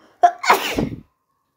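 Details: A quick in-breath, then one loud, sharp, explosive sneeze in a quiet room.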